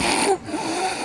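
A woman imitates a loud snore: one rough, noisy, rattling breath lasting about a second, with faint room noise behind it.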